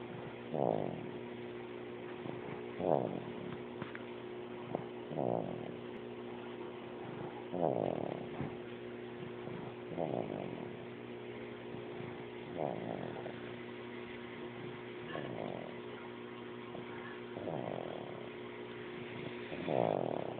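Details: Rhythmic rattling snores from a sleeping pet named Raleigh, about 26 a minute, over a steady background hum.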